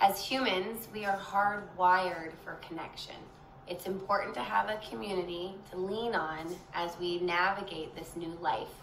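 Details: Adult woman; typical speech.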